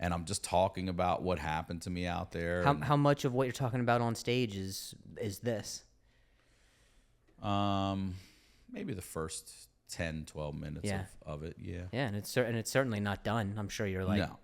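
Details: Adult male comedian with a real, longstanding stutter, asking a question in conversation; stuttering.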